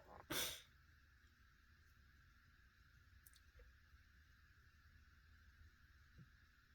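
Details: Adult male sitting in his car after dinner at a restaurant: one sharp, explosive burst at the start, then quiet with faint car-interior noise; ordinary single sneeze.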